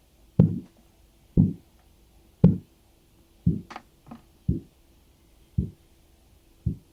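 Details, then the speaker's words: Medical student taking a patient's blood pressure on the extended arm: regular low tapping about once a second, Korotkoff sounds heard during blood pressure measurement. "este estudiante de medicina está tomando en la presión a un paciente y se escuchan los ruidos de coros pongan atención a los sonidos del cuerpo"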